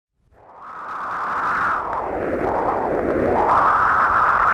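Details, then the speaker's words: Flow Coupler Doppler monitor signal while the probe tip is irrigated with sterile saline to verify probe function. A rising, rushing whoosh confirms the 20 MHz Doppler probe and device are working. "if a strong audible signal is not identified irrigate the anastomotic site with with saline solution during irrigation an audible signal from the monitor verifies proper function of the device"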